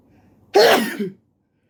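One sudden, explosive sneeze lasting about half a second, then silence.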